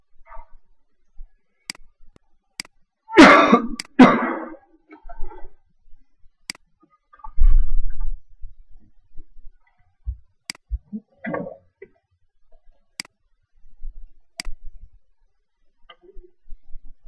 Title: cough attack, put thats the natives Video 2012 08 29 212848